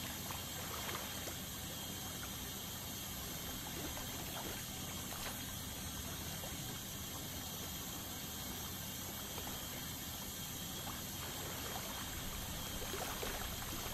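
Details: Steady high-pitched whine of an ultrasonic scaler with hissing water spray and suction gurgle, removing tartar during a dental scaling (cleaning).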